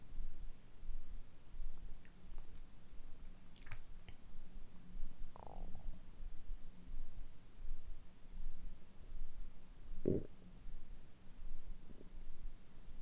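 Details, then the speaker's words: Low gurgles and a few squeaky rumbles over steady room hum: normal bowel sounds in an adult after drinking carbonated water following a 12–13 hour fast. "その時のお腹の音と炭酸水を飲んだ時のお腹の音をぜひお聞きしていただければ嬉しいです。"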